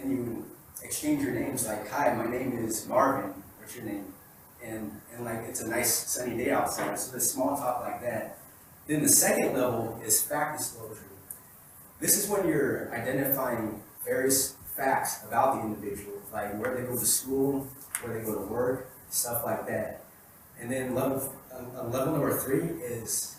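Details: Adult man who has stuttered since he began speaking, at times needing minutes for one sentence; real speech from his own 2013–2019 recordings made while working to improve fluency. Finding: stuttering.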